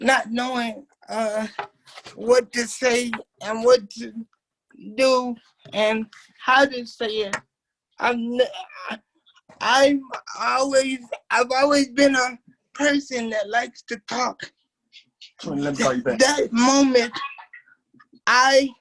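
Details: 27-year-old man with cerebral palsy since birth, whose muscles do not work like others'; dysarthric speech in cerebral palsy.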